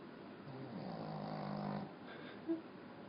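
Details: One long, deep, rattling snore on the in-breath from a small Pekingese dog, sounding like a large dog or human; snoring.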